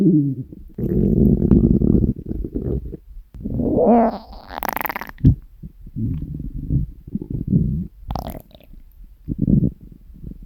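Long low gurgling rumbles and growls rising and falling in pitch; hunger stomach growling, a normal bowel sound.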